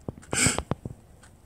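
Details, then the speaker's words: Adult demonstrates a behavioural breathing assessment, taking three deliberate rapid fearful gasps: a quick, sharp gasping inhalation, used to check whether breathing pattern contributes to symptoms. "to check whether breathing could possibly contribute to the onset or maintenance of discomfort or symptoms do the following practice take three rabbit fearful gasps like this"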